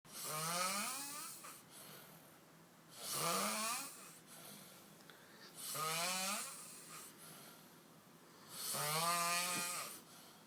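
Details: Adult man snoring heavily: loud rattling snores on each breath in, about 21 a minute, with quieter breathing out between them.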